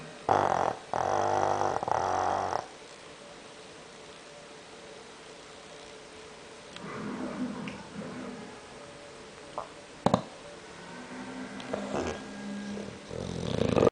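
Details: A sleeping English bulldog snoring loudly: two loud, rough snoring breaths at the start, then quiet breathing with faint rustling.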